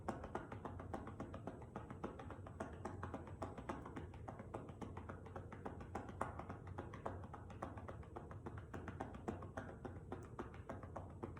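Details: Demonstration of manual chest percussion with cupped hands for postural drainage of the left lower lobe posterior segment, patient prone on a table with a pillow under the chest: rapid hollow popping claps, about 200 a minute, shown for 90 seconds.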